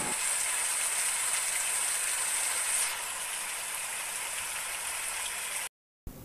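Steady static-like hiss for about five seconds, the white noise used as sound therapy to mask tinnitus.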